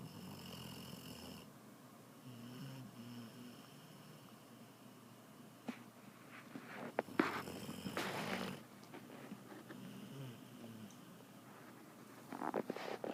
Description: My little girl dog snores so loud, I think she needs a cpap machine for sleep apnea.